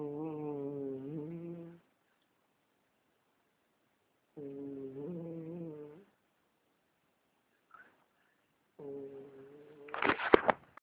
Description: My cat snoring his head off haha